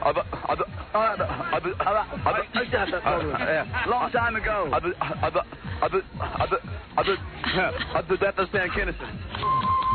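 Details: Stuttering in an adult man during a replayed interview, including a block of about 11 seconds; he repeats the preceding word when he cannot reach the target word.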